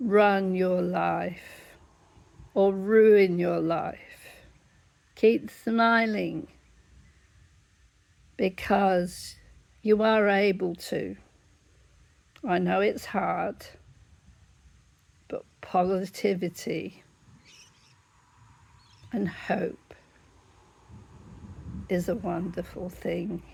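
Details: Laryngeal dystonia in an adult woman with whole-body dystonia whose larynx closes up, sometimes leaving her unable to talk; illness began 1985, symptoms worsening over 10 to 15 years.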